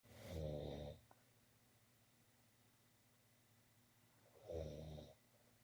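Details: Two low, rattling snores on inhalation about four seconds apart, with quiet between them, from a person sleeping in a small bedroom: snoring.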